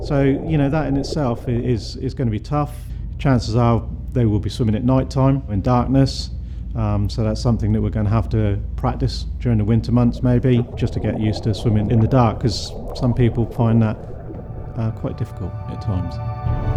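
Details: Adult male speaker; typical speech.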